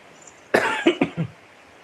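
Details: Young child with a cold (pilek batuk) gives a short run of about four coughs in a quiet room.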